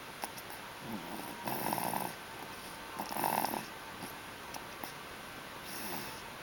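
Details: Little boy snoring surprisingly loudly while asleep: soft rattling snores with each breath in, about three in six seconds, over quiet room hiss.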